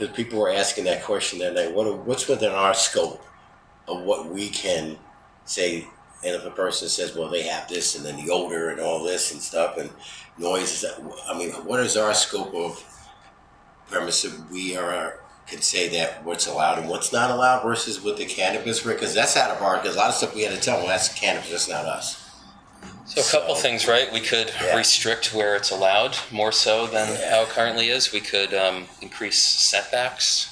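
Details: Adult man with spasmodic dysphonia, which he calls basically localized epilepsy; he links his voice problem to a fall off a cliff during an extreme skiing competition that left his throat 'gunked up'.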